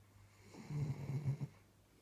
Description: My new dog on the couch snoring away lol